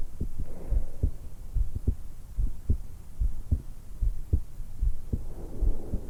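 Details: 20-year-old female just after waking, lying supine in bed, stethoscope microphone at the suprasternal notch: regular soft heartbeats about 74/min with slow rising and falling breath sounds; normal heart sounds with breath sounds.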